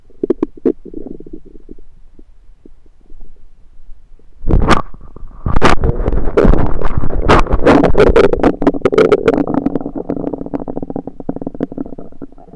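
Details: Abdomen recorded with a USB stethoscope: soft gurgles build into a long, loud rumbling and bubbling run; ordinary bowel sounds, stomach rumbling.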